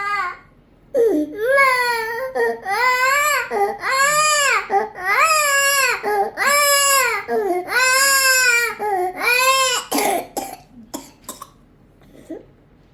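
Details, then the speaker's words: Irritable, febrile baby with cough and abnormal voice; whenever crying, harsh noisy in-breaths between repeated cry bursts: inspiratory stridor of croup (infection of the vocal cords). "Whenever he was crying, he was making a peculiar sound like this. Okay, now this sound is called stridor. And what is this? This is called croup."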